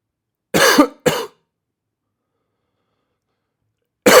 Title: BRUIT DE TOUX 😷